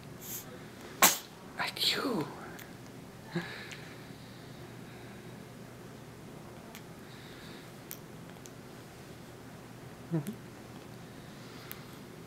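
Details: Newborn girl, born the day before, gives a tiny sharp sneeze, followed by soft breaths and small sounds in a quiet room.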